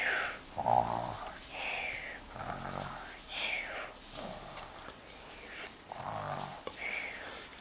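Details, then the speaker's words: Young boy pretending to be asleep, simulated loud snoring: rough, rattling breathing sounds repeating every second or two, mixed with whistly noises and room sounds. "ele vai ser artista olha como ele ronca Alto olha só tá pior que você"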